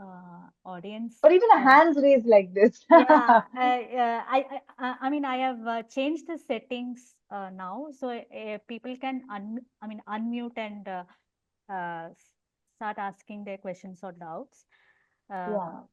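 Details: Adult woman who stammers and also has unilateral hearing impairment; stuttering.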